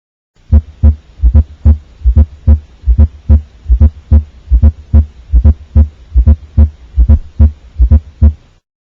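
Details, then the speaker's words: 14-year-old boy seen for toe pain after football practice: regular low heartbeats with a soft extra sound just before S1, a fourth heart sound (S4), attributed to atrial contraction against a stiff ventricle; primary care follow-up advised. "s4 happens just before s1 so instead of lub dub you get s4 happens when the atria contract to propel blood into the ventricles and just before the atrial ventricular valves close to start systole"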